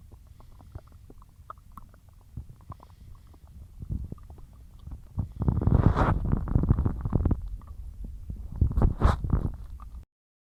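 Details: Loud, low rumbling and gurgling that swells and fades over several seconds: stomach growling from a bloated gut after a massive lunch of cheesy pasta and a large chug of milk.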